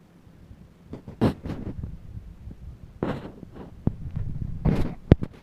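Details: Dog's belly producing irregular gurgling and rumbling bursts, loud bowel sounds (borborygmi).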